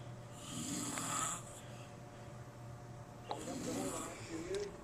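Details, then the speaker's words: Adult man napping after falling asleep reading with the TV on, with two loud, harsh snoring breaths over a steady room hum and faint TV; ordinary snoring. "hey this is Nicole my dad's visiting from California he's upstairs taking a nap you can probably hear him now"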